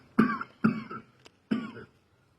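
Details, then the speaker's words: Three short, harsh cough bursts in a quiet room, acted in a comedy sketch about a coworker coughing; an ordinary imitated cough. "finally you're not because you doing too too too much coughing over there you need to back on away from me because you spreading germs"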